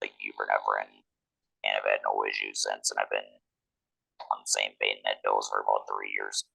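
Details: 47-year-old man, a laryngectomee since a 2019 laryngectomy, speaking with an electrolarynx, which took about a year to get familiar with; electrolarynx speech.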